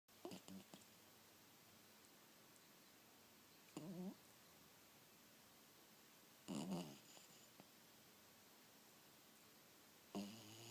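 A sleeping dog gives soft, rattling snores about every three seconds, roughly 20 breaths a minute, in a quiet room.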